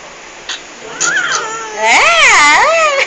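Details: Newborn boy's first cry right after birth while being cleaned up: soft sounds, then a rising and falling wailing cry; normal first cry. Cone-shaped head from birth process noted.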